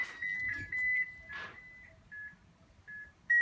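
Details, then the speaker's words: Defibrillator safety check: unit unplugged, on battery, set to 360 joules maximum energy, charged and discharged rapidly nine times to test battery performance; repeated high electronic beeps and steady charging tones with brief pauses. "I am going to put the unit here on 360 joules I want to make sure it's at its maximum energy reading an on battery I'm going to charge and discharge it rapidly nine times"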